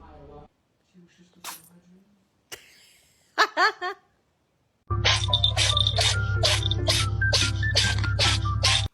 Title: The cat sneezes🤣🤣🤣#cat #cats #cutecat #catlover #catsoftiktok #fyp #foryou #foryoupage #funny #fyp